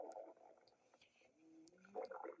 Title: stomach growling